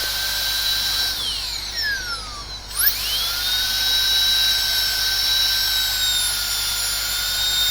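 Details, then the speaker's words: Steady high-pitched dental drill whine that drops in pitch under load and climbs back, during a cavity preparation teaching exercise on a maxillary first molar: a mesio-occlusal cavity, punch cut from the distal triangular fossa to the proximal box (exercise titled class 5 cavity). "So let's start with the cavity preparation. To start the cavity with the punch cut, and the cavity has to come from the distal triangular fossa to the proximal box."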